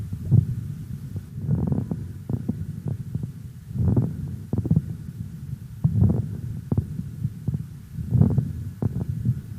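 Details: Pediatric lung auscultation teaching recording: fine crackles.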